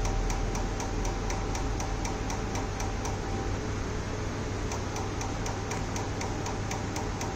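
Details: Tattoo removal laser firing in rapid steady pulses, about 220 a minute, over loud noise and faint music, during a clinic tattoo removal session.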